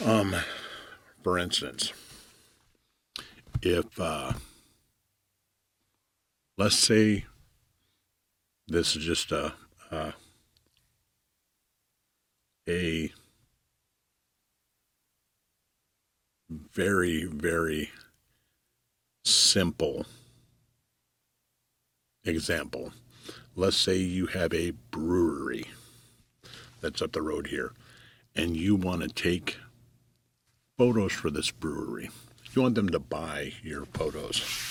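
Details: Stuttering in an adult man, self-reported; long pauses and fragmented phrases heard.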